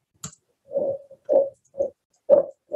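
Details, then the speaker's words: Venous sinus stenosis bruit from a 3D-printed pre-lumbar-puncture model of a patient's stenosis and sigmoid sinus diverticulum, recorded with a Bluetooth stethoscope on a flow circuit: rhythmic low whooshing pulses. Simulated pulsatile tinnitus; the post-puncture model without stenosis is silent. "So we can use 3D printed models to actually generate pulsatile tinnitus sounds."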